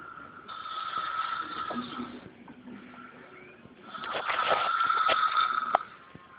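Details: Loud snoring by a sleeping boy: two loud, harsh, rattling breaths with a buzzing tone, separated by a quieter pause.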